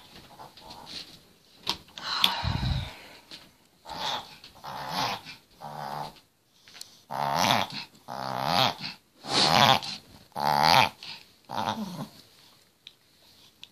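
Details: Chihuahua with collapsing trachea; vet says reverse sneezing is common in the breed; a long episode of harsh, honking snorts while inhaling; owner reports he stops breathing, gums go purple, and eyes get bloodshot; triggered by cold air, excitement, drinking fast, running, or licking; reverse sneezing.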